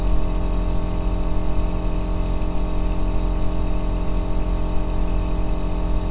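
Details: Steady, deep humming and whooshing of an aerosol nebulizer compressor running continuously without breaks, recorded as sleep white noise.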